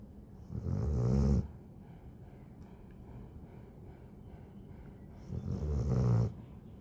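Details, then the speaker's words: Freshly groomed and bathed pet dog sleeping: two loud, low rumbling snores about five seconds apart with quiet breathing between, ordinary snoring. "Ang lakas ng hilik. Pakinggan nyo guys ha."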